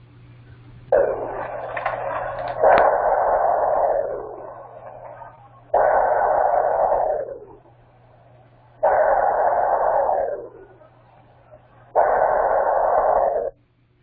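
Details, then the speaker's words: Cold-stunned (hypothermic) rescued sea turtle, heartbeat on Doppler ultrasound at intake: slow but strong whooshes, about 19 beats a minute, below the normal 25–35; bradycardia. "so that's repeat is definitely slower and an average heart rate of a sea turtle however it's still a strong heart rate and very presence there"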